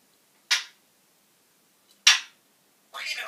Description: African grey singing and sneezing.